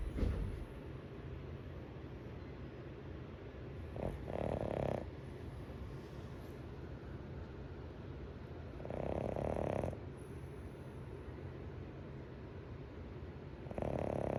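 Roughly every five seconds a rasping snore rises over steady background hiss, about 12 breaths a minute; snoring during sleep.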